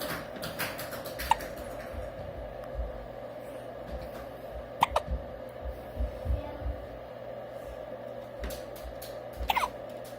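Short, sharp hiccup sounds, about three in ten seconds, over soft background music.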